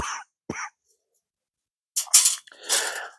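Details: Adult gardening outdoors with allergies and stuffiness: several short harsh coughs in two groups, with a throat clear and a sniff; an ordinary cough.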